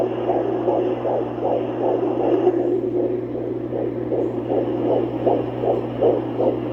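Rapid, regular whooshing pulses over a steady hum, about 150 beats a minute: a normal fetal heartbeat on Doppler.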